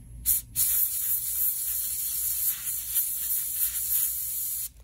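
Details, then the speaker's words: Dental air-water syringe giving a steady high hiss for about four seconds, sprayed outside the mouth to check the line is clear of water before drying a prepped tooth in an amalgam procedure demonstration. "Whenever you go in to dry, make sure that you spray the air and water outside the mouth so that you know that there's no water in the line."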